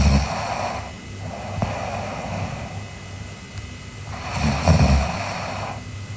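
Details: Snoring in a sleeping girl: loud, rough rattling breaths, a couple of snore cycles with quieter exhalation between.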